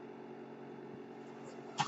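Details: Mechanical ventilator noise heard while the user speaks, identified by the speaker as the noise of their own ventilator.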